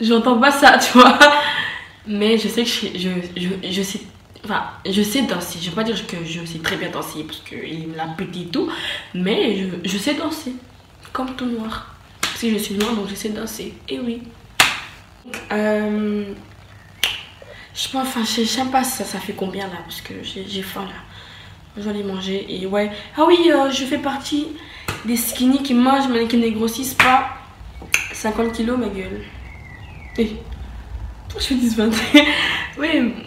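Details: French-speaking woman who says she stutters, speaking in her own vlog; stuttering.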